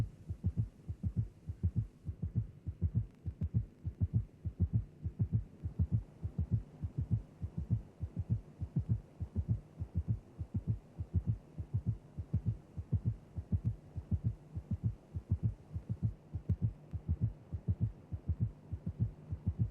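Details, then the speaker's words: Teaching recording of cardiac auscultation: tachycardia with an additional heart sound, fast regular low heart sounds with an extra sound each cycle, giving a three-beat canter-like gallop rhythm. "There you have it. Increased heart rate and an additional heart sound producing a gallop."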